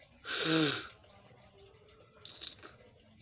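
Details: One loud, sharp sneeze with a voiced burst, then quiet sniffling in a small room, recorded early morning during a nose-sneezing and nose-blowing session; sneeze.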